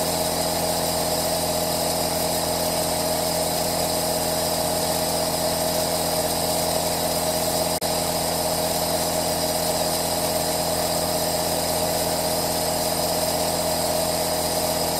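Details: Aerosol nebulizer compressor running continuously, played as relaxing white noise: a steady, unbroken motor drone with a constant hiss and no pauses.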